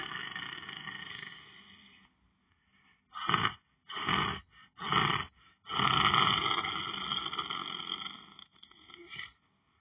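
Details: Person lying down on the floor, sleeping during meditation: irregular, rough, rattling snores in bursts with pauses between breaths, over steady background hum; snoring.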